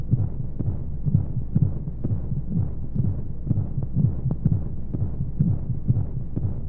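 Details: Womb-sound baby sleep aid with white noise: muffled, rhythmic low heartbeat thumps at roughly 125 a minute under a steady whooshing flow hum, as heard from inside the womb; heartbeat.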